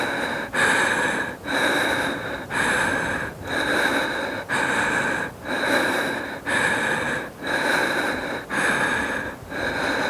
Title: Female breathing SOUND. The woman is recovering her breath after her exercise session. ASRM